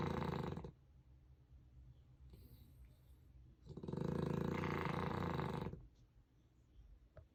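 Loud, rough, fluttering snores on each breath with quieter breathing between them, a congested, stuffy-nosed sound.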